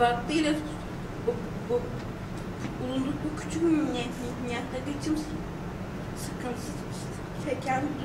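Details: Stuttering in a 21-year-old pregnant woman before stuttering therapy, reading aloud in Turkish.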